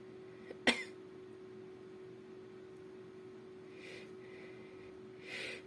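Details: A single sudden, sharp sneeze followed by soft breathy noises in a quiet room; sneeze.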